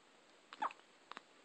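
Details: Big male dog with hiccups: brief soft hiccup sounds, one stronger jerk followed by two faint ones; hiccups.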